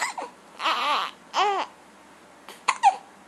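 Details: Young girl with her usual bout of hiccups trying to talk through them; short, wavering cries broken by sudden catches, ending in two quick gulping sounds; infant cry.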